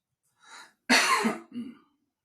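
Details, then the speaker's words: Adult man with sinusitis treated at urgent care with a steroid shot, pink cough syrup and antibiotics, after a week of fever and coughing all night: soft breath, then one harsh cough burst with a short throat-clearing tail. "so now I I got a steroid shot I'm on some pink cough medicine and antibiotics I think it was she said sinusitis but I can't shake this"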